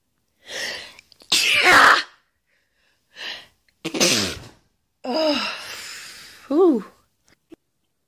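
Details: Woman deliberately forcing herself to sneeze, clips edited together: series of sharp sneeze bursts with squeaky voiced intakes and trailing sounds; forced sneezes.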